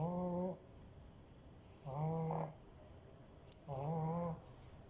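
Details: French bulldog puppy snoring: three long, tonal, buzzing snores, about 30 a minute. Finding: snoring.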